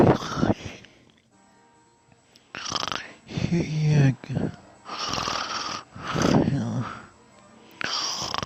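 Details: Loud, rough, rattling sleep sounds in several bursts with brief pauses: heavy snoring mixed with mumbled sleep talking.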